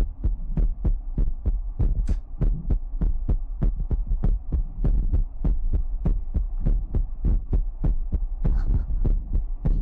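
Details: Heartbeat sound in a Chinese ASMR livestream featuring mouth sounds, ear picking and water drops: soft, regular low thumps at about 100 a minute over a steady hum.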